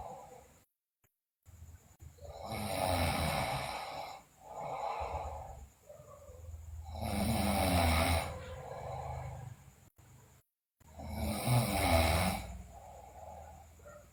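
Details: Sleeping girl snoring loudly, with bruxism and delirium reported: loud, rough snoring on in-breaths with quieter breathing between, about 14 breaths a minute.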